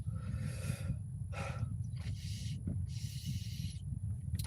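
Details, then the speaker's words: Adult with a cold, sick around Christmas, makes snorting, effortful sniffs and forced breaths against a blocked nose over low background rumble; congested nasal breathing, unable to breathe through the nose, even to drink. "so weird when you can't breathe out of your nose when you normally can to take a drink"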